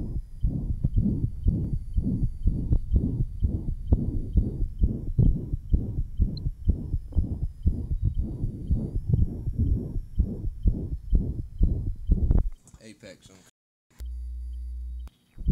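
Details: 1955 Johns Hopkins heart sound laboratory recording, patient with interventricular septal defect, possible persistent ductus arteriosus; rapid regular heartbeats near 120/min with harsh murmur through each cycle: ventricular septal defect murmur.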